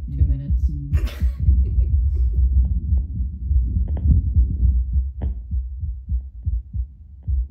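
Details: Adult's own heartbeat minutes after espresso via Littmann CORE Bluetooth stethoscope on a speaker: low muffled normal heart sounds, mostly 70–75 a minute with occasional brief jumps to 80–85 and stronger beats.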